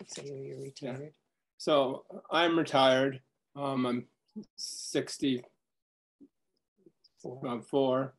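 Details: Man diagnosed with primary progressive aphasia last summer, with word-finding difficulty; his speech varies between good and bad days and is worse when tired; primary progressive aphasia.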